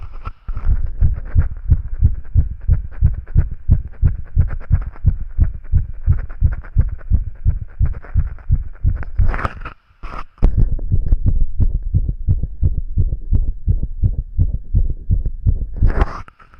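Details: Rapid heartbeat from a boy, fast and steady at about 170–180 beats a minute with deep thuds and a brief pause; the pounding is visible in his chest.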